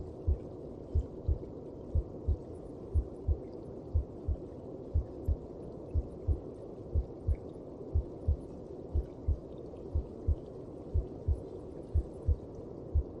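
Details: Steady, deep, muffled heartbeat at about 60 beats a minute over a soft whooshing background: a heartbeat as heard inside the mother's belly.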